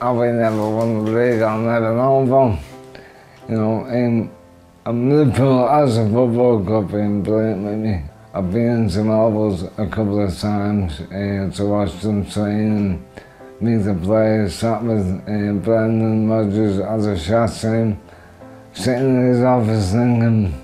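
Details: Adult man with motor neurone disease (ALS) diagnosed about 4 years earlier, affecting his throat and voice; weakened throat muscles, legs still strong; dysarthria (motor neurone disease).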